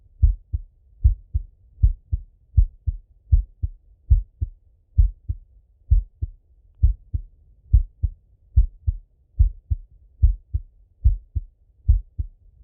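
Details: Male heartbeat by stethoscope during full heart auscultation, recorded either sitting at a desk or lying in bed: steady paired lub-dub beats at about 72 a minute with no extra sounds; normal heart sounds.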